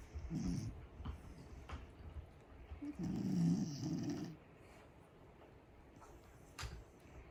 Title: Corgi has LOUD snores